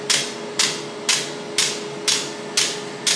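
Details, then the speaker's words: First-ever laser hair removal session with a green-light device: sharp, regular hissing snaps about twice a second over a faint steady tone as the handpiece pulses; the patient calls it a cold tickling sensation, not bad. "Yeah, it's like a cold tickling sensation. It's not bad."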